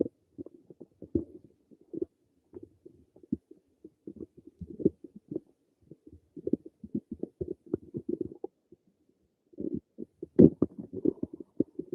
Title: Some more of my stomach noises